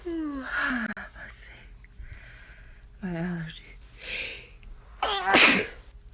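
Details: Sneeze compilation: rising vocal 'ah' build-ups followed by an explosive sneeze burst at the end, with faint room noise.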